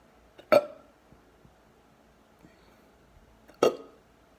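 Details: Deep hiccups: two abrupt, deep, throaty hiccups about three seconds apart in a quiet room.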